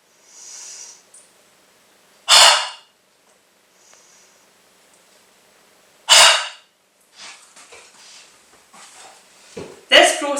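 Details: A respiratory physiotherapist demonstrating a huff for chest clearance: two short, sharp, forceful open-mouthed breaths out, then a cough, to move phlegm to the back of the throat.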